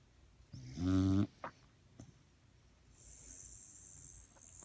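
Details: Fat dachshund (female) sleeping: a single short, buzzing snore followed by quiet breathing; snoring, later ending in a burp.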